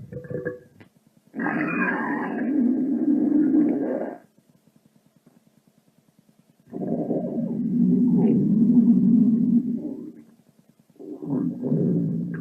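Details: Rumbling stomach sound effect: long, low, growling gurgles of a few seconds each, separated by quiet gaps.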